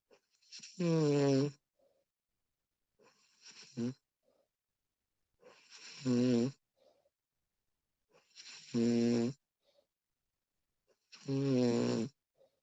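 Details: Female snoring during sleep, professionally recorded: loud, rattling snores about every two and a half seconds, with quiet breathing between them.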